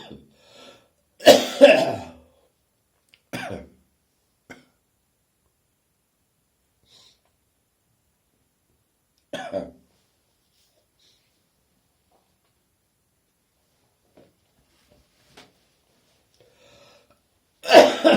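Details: Adult with an early-morning summer cold, recorded on a phone partway through a coughing fit: several harsh, separated coughs with gagging sounds.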